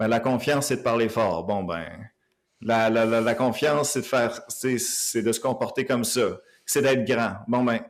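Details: Stuttering in an adult man who lives with stuttering, speaking Quebec French.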